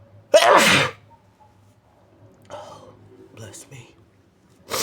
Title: muffled big sneezes & wet sniffles